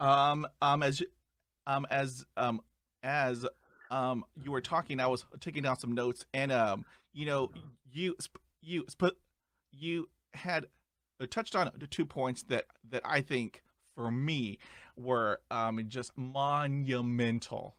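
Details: Male podcast host who describes himself as a person who stutters, with repeated interjections and part-word repetitions; he reports having blocks and repetitions; stuttering.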